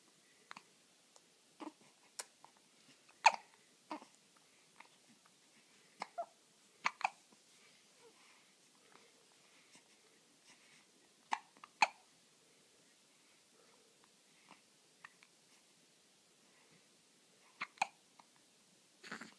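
Soft, sharp hiccups that come again and again at uneven intervals, with faint breathing between them: newborn hiccups.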